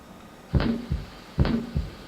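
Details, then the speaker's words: Played heart murmur recording in an anatomy class: two heartbeats, each a low lub-dub with a faint hiss between, described as a leaky valve; heart murmur. "What part's the murmur? There's a little bit of a lub-dubs, just a little bit of a hiss in between."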